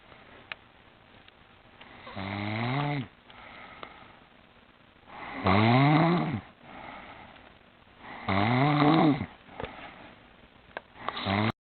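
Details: Adult woman asleep in a chair snoring loudly: rattling snores on each breath in, about one every three seconds with quiet gaps between; typical heavy snoring.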